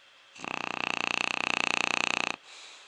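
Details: Deeply sleeping subject snoring: a soft, steady two-second rattling snore with a fast fluttering buzz, heard as a single breath.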